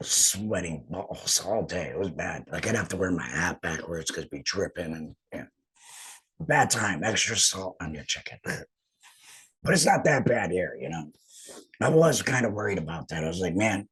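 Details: Adult male, total laryngectomy about two and a half years earlier for cancer treated with chemotherapy and radiation, uses an HME, apparently esophageal speech; stoma hurts after heavy talking; alaryngeal speech after total laryngectomy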